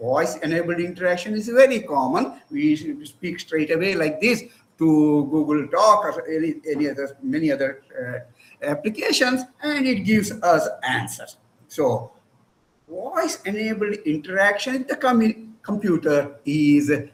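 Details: Adult man lecturing; normal speech.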